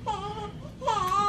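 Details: Newborn baby boy, filmed in a birth vlog: two short, high, wavering cries in a small room; an ordinary newborn cry.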